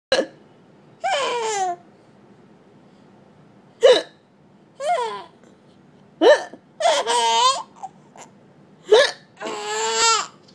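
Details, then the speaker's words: Mother's hiccups: four sharp, abrupt hiccup sounds, each followed by laughter from her 6-month-old baby; ordinary hiccups. "He's so funny when mommy hiccups."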